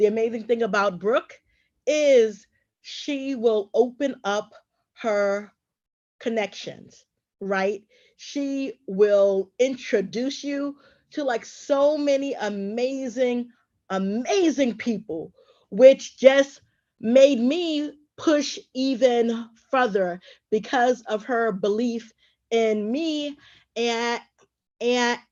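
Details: Adult woman who says she is a stutterer and a traumatic brain injury survivor; stuttering.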